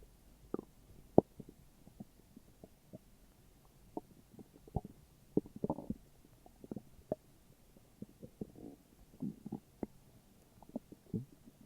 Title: morning stomach growls :3